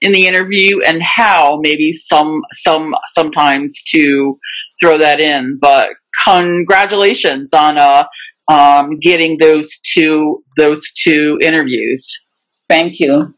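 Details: Real adult who stutters, speaking live in a webinar for people who stutter; stuttering.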